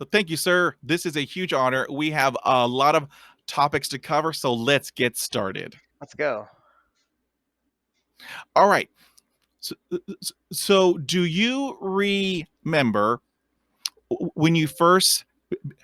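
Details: Adult man who stutters; finding: stuttering.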